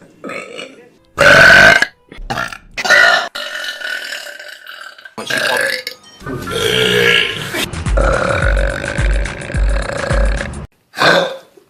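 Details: Compilation of favorite YouTube burps: several loud, drawn-out belches, one long and rattling, with background music; burping.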